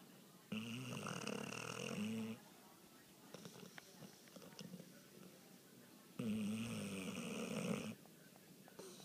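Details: Two long, loud, buzzing snores, each about two seconds, separated by quieter breathing and light rustling; snoring.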